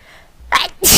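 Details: Streamer's sneeze from a compilation of live-show or old video clips: a brief in-breath, then a loud, explosive sneeze burst.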